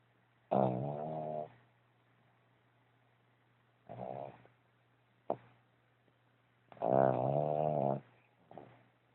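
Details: Dog snoring: separate throaty, buzzing snore noises, some longer, some brief, over a quiet steady hum.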